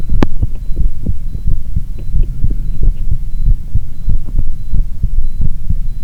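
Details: Low, dull heartbeat thumps repeating steadily with ECG recording, over rubbing and movement noise with faint high beeps in the background; ordinary heart sounds.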